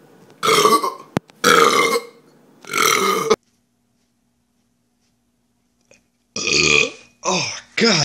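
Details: Vine compilation clip of burping: three loud belches, a short silence, then several more rough belches.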